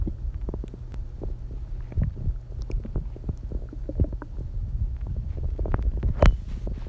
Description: i haven't eaten all day and ugh my stomach is dying